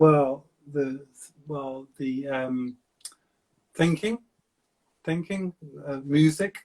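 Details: Adult male stroke survivor with aphasia for about seven years since his stroke; aphasia.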